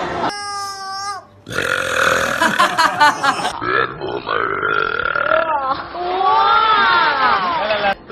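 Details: An actor deliberately burping on a TV show: several loud, drawn-out burps, some tonal and voiced, amid laughter and chatter.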